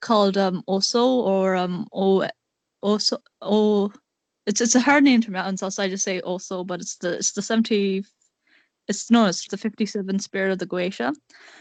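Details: Male speaker with a self-described awful stutter, repeating words; stuttering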